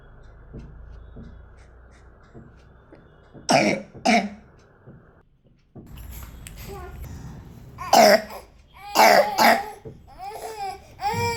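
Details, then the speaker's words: A child with a long-standing cough gives about five harsh, deep barking coughs in two bursts, with whimpering between; the cough is likened to a dog barking. "कितना deep cup है कितना barking कफ है है ना ऐसा लग रहा है जैसे कोई कुत्ता भौक रहा हो"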